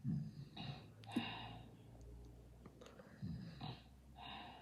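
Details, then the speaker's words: Simulated snoring: a game character's acted snoring sound effect of soft, airy in-and-out breaths with light throaty rasps. "it's snoring time. Sleep tight."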